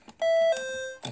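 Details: Atom S-1235 syringe pump: two short electronic beeps, higher then lower tone, as a button is pressed while selecting a 50 mL syringe during setup; normal feedback tone.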